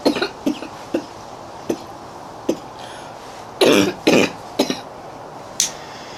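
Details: Repeated dry, harsh coughs, about ten in quick clusters over six seconds, with short pauses in a quiet room: a coughing fit in a girl with a runny nose, who cannot catch her breath afterwards.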